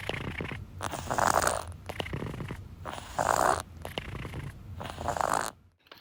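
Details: Breathing with a stuffed nose, somewhat worse than his usual wheeze, open-mouthed, described as not really bad: loud, rough, snoring-like breaths at about 30 a minute with a wet nasal rattle: congested mouth breathing.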